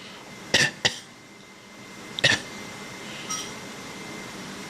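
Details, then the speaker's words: A young child gives a few short, light fake coughs in a quiet room on request: imitated cough. "come on do your fake cough do it again fake cough"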